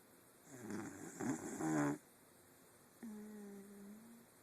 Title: Zeus snoring